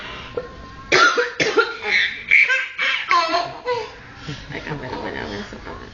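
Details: An adult gives a few abrupt, harsh coughs that quickly turn into breathy, voiced laughter with some vocal sounds mixed in; a cough.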